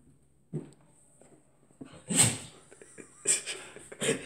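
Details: Dog sneezing on demand when its nose is touched: three sharp, explosive nasal bursts in a quiet room; sneezing.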